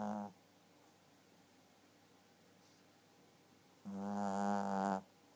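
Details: Chihuahua snoring in sleep: two tonal, buzzing snores separated by a quiet pause.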